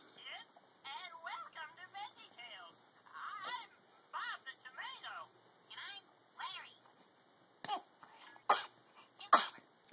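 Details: Tired young girl watching Veggie Tales: cartoon voices from a television, then three short, dry coughs near the end, a plain cough.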